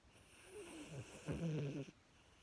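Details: Short rattling, snorting snore with a low fluttering rumble from a small dog asleep; ordinary snoring.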